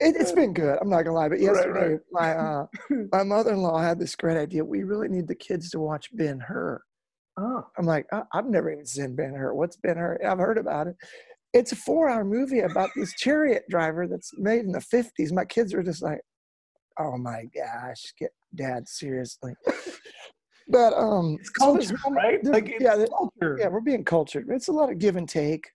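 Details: Adult male former lead singer with incurable spasmodic dysphonia that began at the height of his music career; doctors could not fix it and it ended his singing career; he still struggles with it and says it is audible here; spasmodic dysphonia.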